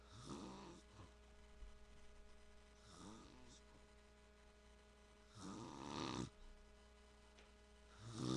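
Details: Dad snoring: loud, rough, fluttering snores on each in-breath, about three in eight seconds, over a steady mains hum.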